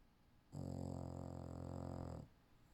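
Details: Female English Bulldog napping: a single long, low, rattling rumble on one breath; snoring.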